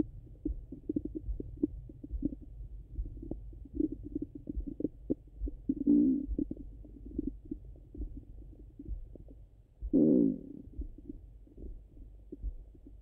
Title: Stomach Sounds Hungry and Full 🫧🩺